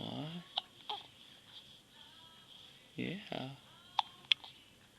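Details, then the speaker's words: Newborn baby boy with hiccups, filmed by his new father: several short abrupt catches in the breath among soft baby sounds and quiet room noise; infant hiccups. "Aw, got the hiccups really good, don't you?"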